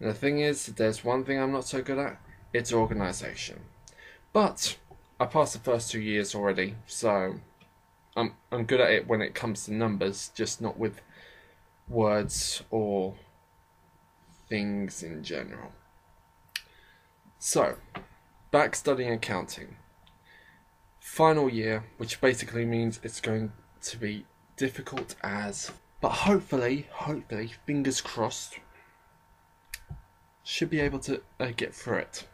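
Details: Speaker with a self-described slight stammering problem who often stammers or pauses, only partly edited out; stuttering.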